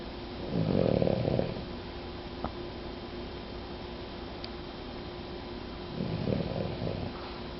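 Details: A female dog who snores "like an old lady": two slow, rough, low snoring breaths about five seconds apart with quiet room noise between; a sleeping dog snoring.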